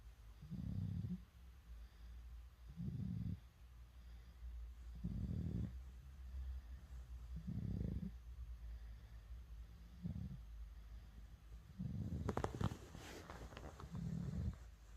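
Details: 9-month-old baby snoring in sleep: soft, low rhythmic snoring bursts at about 27 a minute, with a brief louder rustle near the end.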